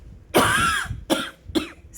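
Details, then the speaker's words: An adult who is sick with what they call a covid cough, and who says a breathing treatment did not help, gives three quick coughs: a longer first burst followed by two briefer ones. "i apologize for the coughing i'm actually sick um i took a breathing treatment thinking it would help before this but evidently not"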